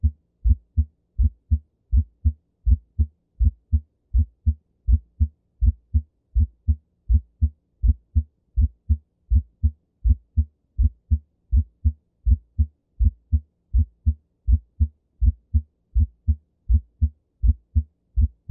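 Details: Split first heart sound (S1) in a regular rhythm at about 81 beats per minute; usually a normal finding but can be heard in right bundle branch block.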